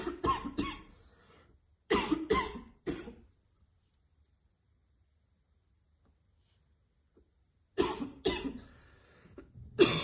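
Harsh coughing in three bursts of about three coughs each, separated by a long quiet pause, consistent with choking after inhaling vapor.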